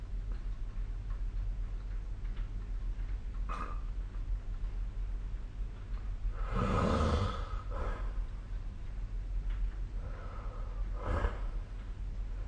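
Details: Snoring recorded with the SnoreLab app: soft, noisy sleep breaths with one louder rough snore over a steady low room hum.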